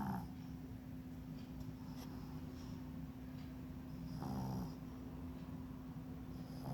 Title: Panda snoring at Acupuncture